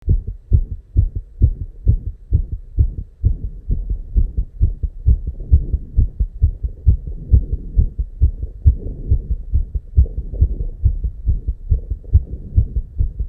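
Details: Rapid, regular low heart thumps at 290 BPM crowding closely together with little pause between beats; real heart sound recording showing tachycardia, a very fast heartbeat.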